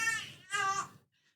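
Two brief, high-pitched fussy cries from an infant in a small, quiet room.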